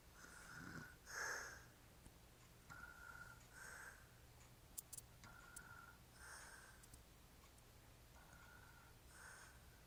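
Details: Adult man snoring: rhythmic snoring with a whistling, fluttering tone on each breath, about five breath cycles in ten seconds.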